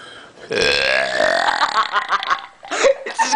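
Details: Forced burping by someone with his little brother and others nearby laughing and urging repeats: a long, loud, rumbling belch breaking into pulses, then short voiced sounds.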